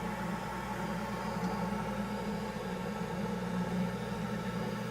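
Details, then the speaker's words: Dental lab bench lathe with aluminum oxide wheel on a quick chuck, used for bulk trimming a Hawley orthodontic appliance: steady low motor hum and whir at constant speed, no grinding contact. "so I have a wheela here it's a wheel saw I don't it's a lathe let me show you set up hold on there a lathe"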